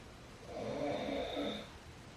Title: 아빠의 코 고는 소리 | Dad's Snoring